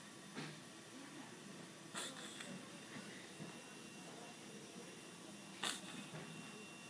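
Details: Hiccups through a tracheostomy tube: sharp, airy bursts over a soft breath hiss at the tube.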